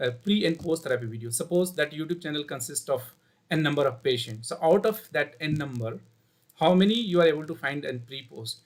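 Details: 16-year-old male, before treatment, keeping his childhood voice after puberty out of habit; described as feminine and high-pitched: puberphonia.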